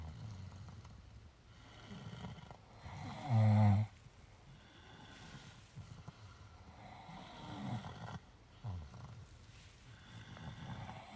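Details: Quiet, low snuffling breaths with one louder snorting snore during sleep after a long walk; soft snoring.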